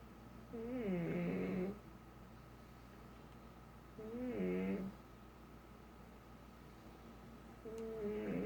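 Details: Snoring in a pug: loud, rattling, whistling snores, about 17 a minute.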